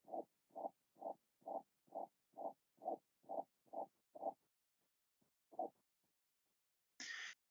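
Simulated infant heart at about 140 beats a minute, each beat a soft, high-pitched swish: small ventricular septal defect murmur.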